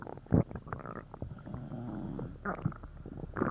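Low gurgling and rumbling bowel sounds with bubbly bursts; loud stomach growling after a laxative.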